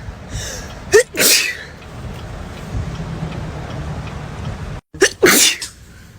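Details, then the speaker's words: A person in a moving car gives two forceful sneezes, each with a quick breath in before the burst, over steady road noise, during a bout of repeated sneezing; sneezing. "Good morning to me and my being able TO STOP SNEEZING. WHAT? JUST SNEEZED ALL OVER MY PHONE."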